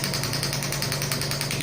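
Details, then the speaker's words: Rapid, steady mechanical rattling pulses with a low hum from a Biotronix pneumatic extracorporeal shockwave therapy (ESWT) applicator (5–12 bar range), started at 4.5 and then turned down to lower power, with the shot counter running; shockwave applicator firing. "यहां पे counter शुरू हो गया shops के लिए और जैसेजैसे मैं power बढ़ा रहा हूं।"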